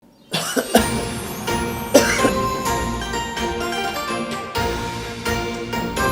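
Several short, harsh acted coughs in quick fits over steady background music; a coughing fit.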